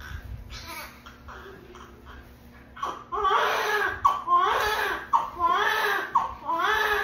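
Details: Newborn's first cry right after birth: strong, rhythmic crying with quick breaths between bursts, growing louder; vigorous, normal first cry with faint room noise.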